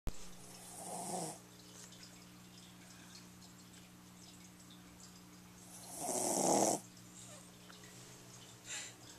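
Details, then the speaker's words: Loud sleep snoring from a female sleeper who went right back to sleep: two slow, noisy breaths with a rough, hissing snore quality about five seconds apart over steady room hum. "oh she snored again it didn't take long she went right back to sleep we've been quiet for nothing oh d that's funny she sn so loud"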